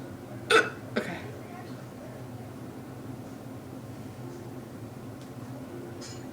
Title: How to get rid of hiccups